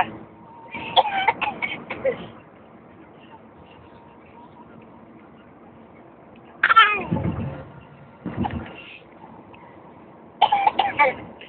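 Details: A 14½-month-old toddler imitates an adult relative's (yaya's) cough with several short, voiced cough-like bursts; an imitated cough.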